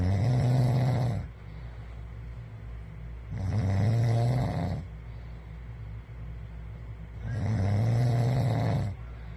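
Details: Adult man's snoring recorded by his wife: three loud, low, rattling snores on the in-breath, about 16 breaths a minute, over a steady background hum; ordinary snoring.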